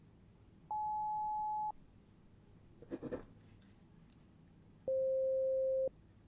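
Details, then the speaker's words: Simulated ASMR role-play hearing exam: pure tones played through headphones, with the listener asked to raise a hand on hearing each one and to indicate left or right side; pure tone audiometry tones. "firstly I want you to raise your hand when you start hearing the sound as soon as you hear it start raise your hand"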